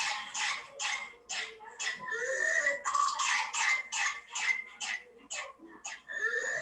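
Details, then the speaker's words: Child (she) with whooping cough (pertussis): paroxysmal cough with rapid repeated coughs in bursts and high-pitched indrawn whoops, described as a barking cough followed by a sudden noise. "this is a paroxysmal core so they keep on did you hear that she was having a barking kind of core and then sudden noise"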